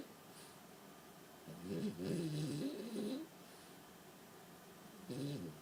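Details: Sjefke in deep sleep lying in a big Crocs shoe bed: two bouts of low, fluttering snoring separated by quiet breathing, faint room noise; ordinary snoring.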